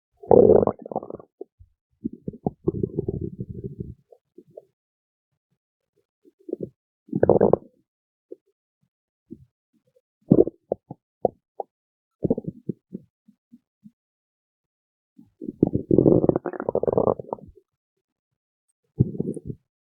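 Irregular gurgling and rumbling bursts separated by quiet gaps; stomach growling, ordinary bowel sounds.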